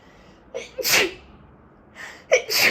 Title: Another allergy sneeze fit | 24 sneezes